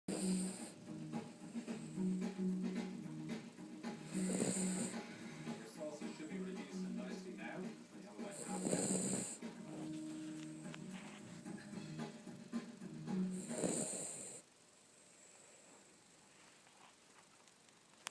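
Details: Sleeping dog snoring loudly and rhythmically, a rattling, wheezy snore about every four to five seconds; a brief sample of snoring that continued for close to 10 minutes.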